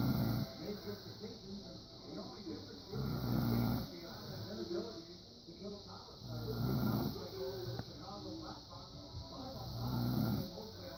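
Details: A father snoring in his sleep: low, rough snores about 18 times a minute against steady room noise.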